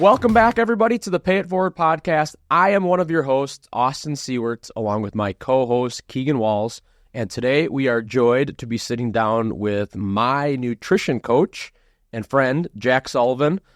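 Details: Adult male speaker; Normal voice.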